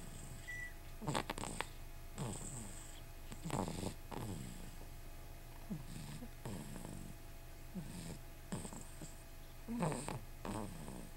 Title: Train Snoring